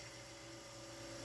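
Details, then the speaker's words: Oxygen concentrator being tested after repair: steady rushing hiss over a low mechanical hum as it vents nitrogen from its alternating sieve beds; its gauge reads 93% oxygen concentration. "Makita niyo yun? Sinisingaw niya 'yung nitrogen."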